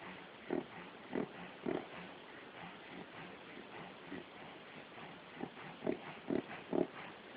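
Rapid, snorting inward gasps in runs, about two a second; a reverse sneezing episode in a dog.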